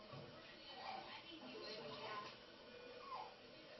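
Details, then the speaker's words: Infant with croup: inspiratory stridor, faint high-pitched crowing noises recurring with each breath, with visible substernal retractions (sternum drawn inward), showing great effort to breathe from upper airway obstruction. "I don't know if you can see it real well but look at the substernal retractions the sternum moving inward okay along along with the stri orous sound so it's basically a lot of energy is being expended to get a breath obviously it's not going to last for very long okay"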